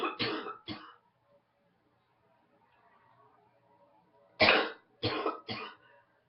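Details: An adult congested with a morning head cold gives six harsh cough bursts in two quick runs of three.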